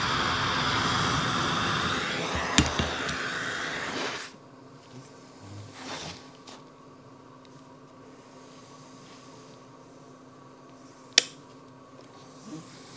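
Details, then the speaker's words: Bilevel NIPPV (nicknamed "Nippy") ventilator used by a patient with type 2 respiratory failure, nocturnal hypoventilation and sleep apnoea, switched on with the mask off: loud, fast steady rush of air from the outlet for about four seconds, then near-quiet room. "I'm going to switch it on, which will do now. I'm going to put the the sound next to actually moves my hair. Look how fast it is."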